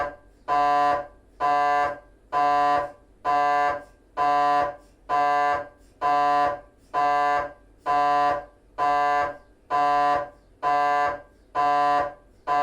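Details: GE 3T MRI of the petrous bone (temporal bone): loud, regular buzzing tones switching on and off about once a second, gradient noise during a T1 axial FSPGR 3D scan.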